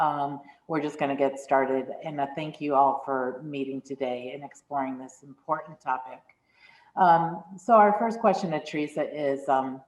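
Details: Adult woman speaking; Normal speech.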